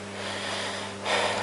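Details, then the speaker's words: Normal deep mouth breathing heard on anterior chest auscultation over the lung apices with the stethoscope diaphragm: soft, airy breath noise that grows louder as the patient is asked to breathe deeply through the mouth, over a low electrical hum. "هسه خذ نفس وذبة قوي، هسه خذ نفس وذبة بعد"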